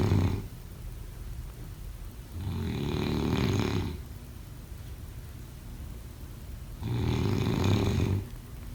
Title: Snoring sounds